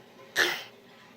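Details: Cough of a child, age 1, described as a bad cough.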